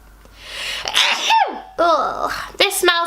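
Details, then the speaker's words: A building inhalation, then a forceful sneeze with a voiced falling cry and further voiced bursts, from a person with spring allergies. "This is the only thing I hate about spring is my allergies. I never noticed you had bad allergies. Remember that one time at Whose wedding was it? It was an outdoor wedding. I need to sneeze."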